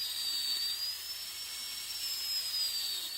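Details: A steady high-pitched whine, likened to a dental drill, over a white-noise hiss: a simulation of one person's second tinnitus sound overlapping their white-noise tinnitus.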